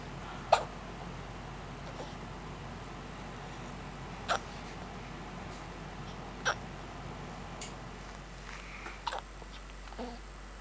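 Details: Hiccups in a female: four brief, sharp hiccup bursts over about ten seconds against steady room hiss.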